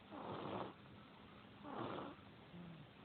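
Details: Person sleeping and snoring: two slow, rough, rumbling breaths about a second apart, each followed by a pause.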